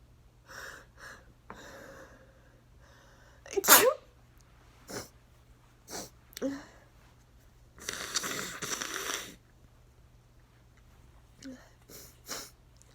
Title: Allergy sneeze fit with nose blowing | 14 sneezes